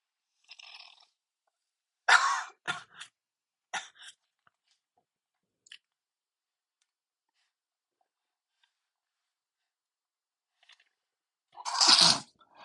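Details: Male sneezing uncontrollably: several sharp, explosive bursts with quiet gaps, ending in one loud burst; repeated sneezing.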